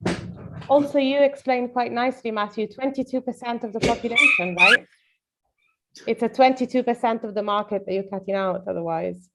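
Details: Adult speaker; normal speech.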